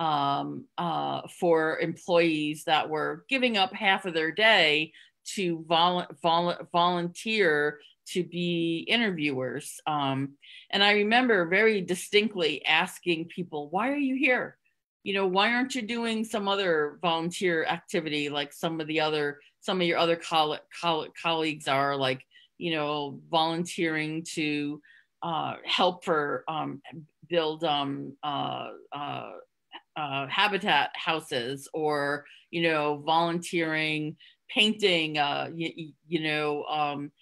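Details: Adult woman who stutters, with part-word and whole-word repetitions. She had covert stuttering, hidden for close to 30 years, and now stutters openly. Real, not acted. Finding: stuttering.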